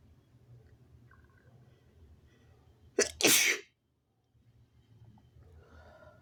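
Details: Sneeze deliberately induced by tickling the nose with paper tissue: a quick breath in, then one sharp, explosive sneeze against quiet room noise.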